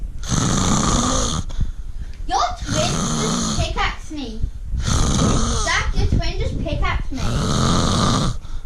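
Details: Loud, rough, rattling snores with short, bubbly, snorting breaths between them, from a man and a cat napping together.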